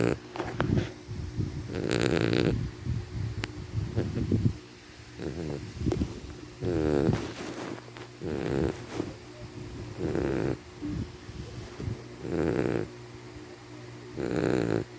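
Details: Sleeping puppy snoring: repeated snorting, rattling breaths with snuffling and grunts between them.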